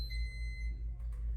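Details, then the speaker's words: Infinity enteral feeding pump in a teaching demonstration: the top (inlet) tubing is deliberately kinked, giving a single high steady electronic beep over low room hum, the no-flow-in occlusion alarm. "Now, I'm going to kink the top here. It's going to beep at us and it's going to say no flow in. Right? Cuz I'm kinking the top here."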